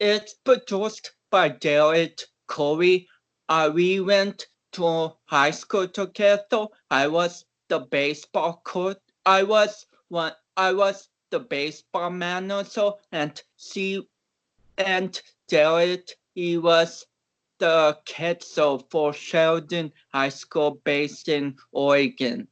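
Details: About 29-year-old male powerlifter with cerebral palsy whom doctors had not expected to walk or talk; real conversational speech showing dysarthric speech in cerebral palsy.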